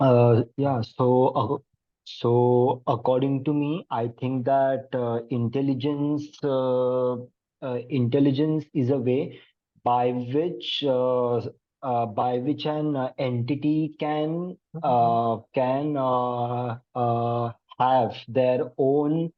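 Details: Real stuttering in a participant of a session run by an Indian self-help association of people who stammer, with repetitions and fillers; stuttering.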